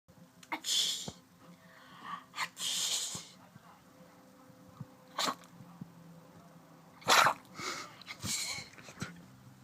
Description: Dexter the chihuahua having sneezing fits